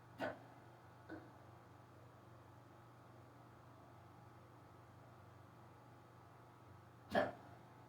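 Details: Hiccups in a person who rarely gets them, starting suddenly on waking in the morning, lasting almost 20 minutes, described as very bad and fast. Three sharp, abrupt gulps in a quiet room, the first two close together, the third several seconds later.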